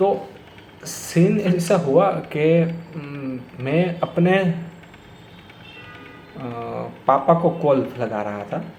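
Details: Stuttering in an adult man who has stammered for many years; he says it worsens when talking to his father and that he blocks on the 's' sound.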